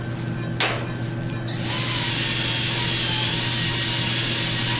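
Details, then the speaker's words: A sharp hit, then a steady high motor whine with low hum from a low-speed polishing handpiece with prophy paste on the incisors, during a COHAT in an anesthetized dog; dental polishing. "okay when you're polishing it's important to use enough pressure that you see a flare in your cup"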